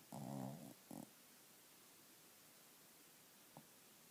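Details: Snoring in a sleeping shih tzu: a rough, rattling snore followed by a shorter snort, then quiet with one faint snuffle.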